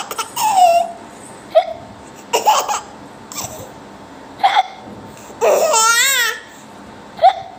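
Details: An infant laughs and giggles, with about three brief, sharp, catching sounds a few seconds apart, typical of hiccups; baby hiccups while laughing.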